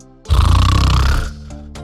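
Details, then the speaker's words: Snoring in a satirical animated news parody, likely not a real recording: one loud, low, rattling snore over background music; snoring. "Forschung hat Schnarchen als offizielle Weltsprache vorgestellt ja Sie haben richtig gehört Schnarchen diese oft als störend empfundene nächtliche Geräuschkulisse soll nun sprachstatus erreichen erstaunliche Wandbreite an Lautstärke"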